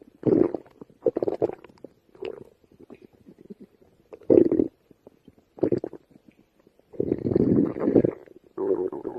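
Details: Stomach growling after going hungry all day: repeated low gurgling and growling bursts with quiet gaps; stomach rumbling from gas and fluid moving in the gut.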